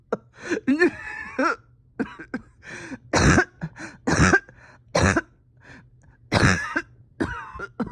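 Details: Harsh, forceful cough in a person reporting a tight chest and steady oxygen levels after a rough weekend; bouts of coughing with strained throat clearing and pauses between; painful, irritated coughing.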